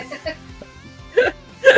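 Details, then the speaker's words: Two short, harsh cough bursts over quiet background music, the tail of an adult's coughing attack brought on by excitement while talking. "Sorry. I got way excited about all of that and it caused me to have a coughing attack."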